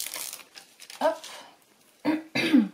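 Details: Crinkling craft noise, then a few short voiced throat-clearing bursts from an adult woman with a hoarse voice: throat clearing.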